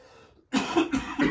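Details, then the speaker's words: About three short, harsh dry coughs in quick succession with no wet rattle, during COVID-19 illness; cough felt in the bronchi or lungs but not bringing anything up. "кстати вот тут вот как будто бы это в бронхах они в легких как будто бы кашель что-то вроде бы есть но он не выходит он какой-то странный кашель"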